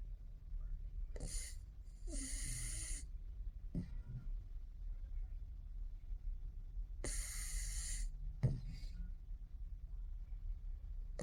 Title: Pugs snoring challenge, full video.. sleep before Pugs sleep.. pugs ronquidos..